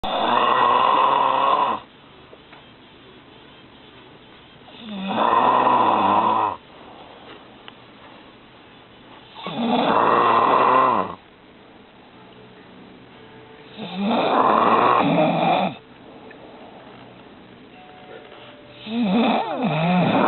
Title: snoring!